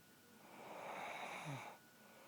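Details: Adult woman snoring in her sleep, recorded by her husband: a single rough, drawn-out breath sound ending in a low snort; snoring.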